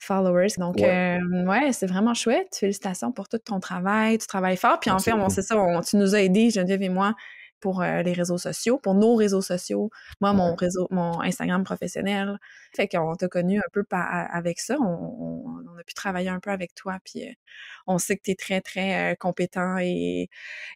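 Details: Adult woman speaking French; normal speech.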